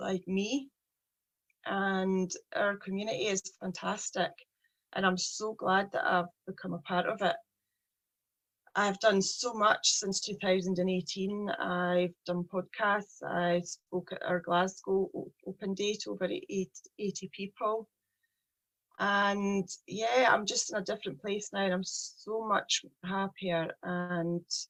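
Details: Stuttering (stammering) in a 43-year-old woman with a real, lifelong speech problem present since age three.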